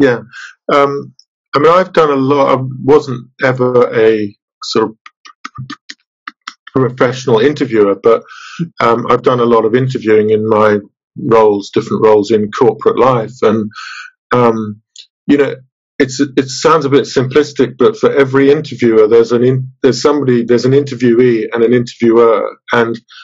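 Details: Stuttering in an adult man from the UK, a webinar participant who stutters.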